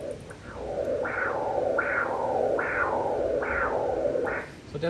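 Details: First-trimester ultrasound scan: five rhythmic whooshing uterine artery Doppler pulses, about 75 a minute, each with a sharp rise then fading; normal flow signal. Brief voice at end.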